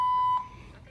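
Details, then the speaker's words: A single steady high electronic beep from a bedside monitor attached to a hospital patient's arm after foot surgery, beeping for about half an hour at night with no nurse responding; a monitor alarm beep. "This damn thing has been beeping for a friggin' half an hour. I hit the nurse button. There's no nurse. It's constantly beeping."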